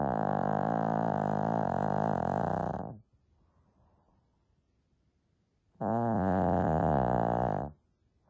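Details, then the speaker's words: Small Shih Tzu dog asleep: two long, loud, rattling snores separated by a quiet pause; heavy snoring. "ah how can a little doggy make so much noise"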